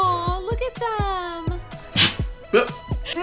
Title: You know that moment when your dog sneezes SO loud it makes you jump? 😂#DogSneeze #PetFails #fyp